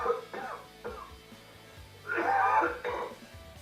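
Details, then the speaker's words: Nursing simulation lab patient simulator mannequin demonstrating its coughing capability: a few short coughs with some background noise. "he may also do things that might be surprising for example he is capable of screaming he is capable of vomiting additionally he is capable of coughing"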